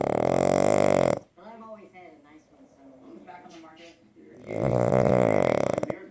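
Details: Two loud, rattling snore breaths from a pug asleep in his owner's lap, with softer voice-like sounds between them.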